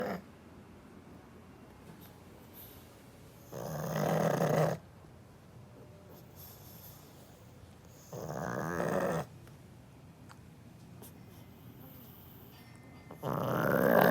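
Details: Pug dog snoring loudly enough to keep the owner awake: loud rattling snores every four to five seconds, about three in the clip, with quiet pauses between; snoring.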